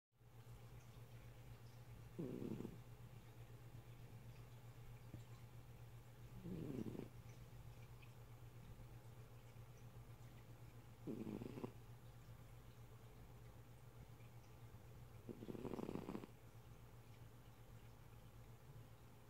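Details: A sleeping cat snoring: four soft, raspy snores at slow, unevenly spaced breaths, about 14 a minute, over a steady electrical hum.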